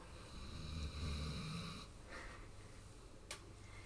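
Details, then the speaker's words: Snoring from a sleeper audible in the background of a yoga class demonstrating one-legged mountain pose. "seriously tell me if you can hear Daisy snoring"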